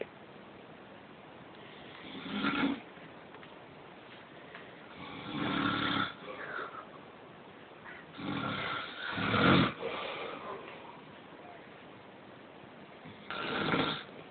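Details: Father snoring while asleep: repeated rough, rattling snores, about one every three to four seconds.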